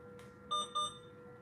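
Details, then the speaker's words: Two quick, high electronic beeps over room hum from an infusion pump alarming at the bedside; the patient was told it was not plugged up and is unsure why it beeps. "I don't know why this thing beeping. They said not plugged up. Then why is it beeping?"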